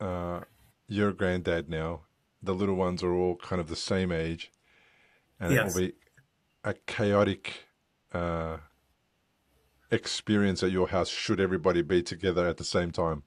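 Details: Adult male speaker; unaffected speech.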